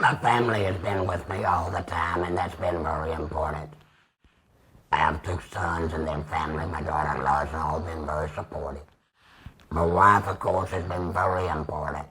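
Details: 75-year-old man, total laryngectomy about two years ago with radiation after tracheostomy, speaking with a Provox Vega voice prosthesis, extra HME cassette and Stabila base adhesive; tracheoesophageal speech.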